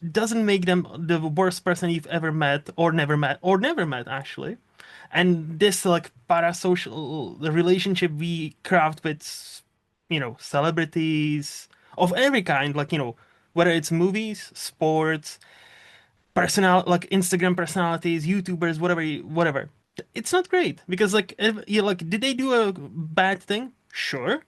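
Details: Adult speaker; ordinary conversational speech.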